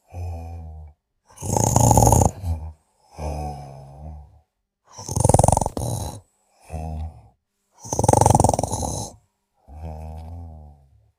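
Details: Snoring during sleep: regular low snores on both inhalation and exhalation, about five breaths a minute, rough and fluttering on the loud phases.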